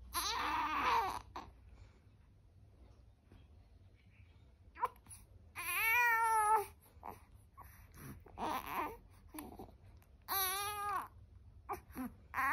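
An infant cries in repeated wailing bursts with fussing between them in a quiet room.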